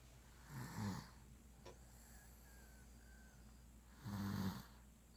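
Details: Snoring recorded 10.10.16: two loud, low, rattling snores about three and a half seconds apart, each on inspiration, with quiet room noise between.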